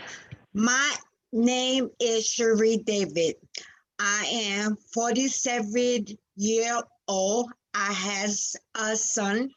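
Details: Aphasia after sudden-onset stroke in February 2019 in a 47-year-old woman, a nurse who abruptly could not speak; real patient.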